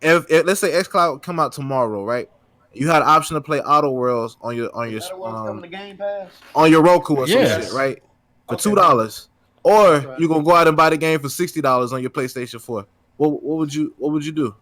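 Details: Adult male speaker; ordinary speech.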